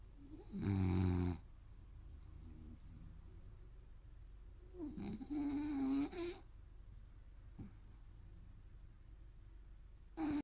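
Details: Sleeping rooster snoring: buzzy, rattling snore bursts with hissy breaths between, about two in ten seconds.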